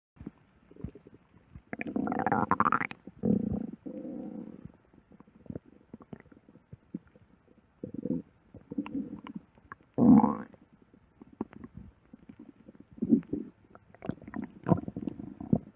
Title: Stomach growling ( vore audio) for @Brushathepaint #vore #audio #love #stomach